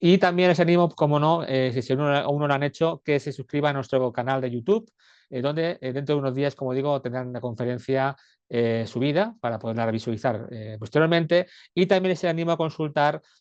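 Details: Adult male speaker; Normal speech.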